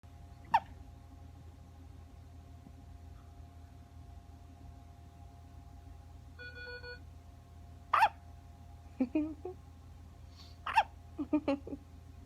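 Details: Baby hiccups: several brief, sharp hiccup sounds at irregular intervals over a steady room hum, with a short electronic beep midway.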